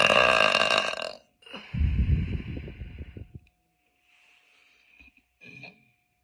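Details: Girls burping: a long, loud, rumbling belch, then a few softer sounds. Burping.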